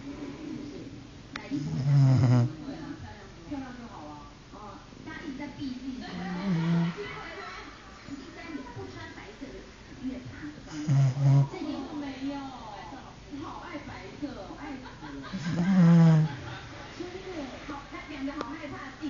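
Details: Loud, rumbling snores from a dog, about four in 19 seconds, with slow breathing noise between them; dog snoring.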